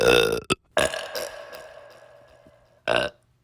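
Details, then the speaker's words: Voluntary, deliberate burping into a microphone: several voiced burps, one drawn out and fading, with short bursts before and after in a quiet room; repeated burping. "whenever I do these meme compilation videos most of the time I burp in in the microphone so why not to make a whole shorts of me burping here we go pull it you should not be shut"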